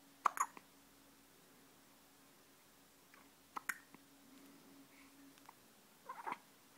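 Quiet room with a few soft, abrupt catches in small clusters, fitting an infant's hiccups.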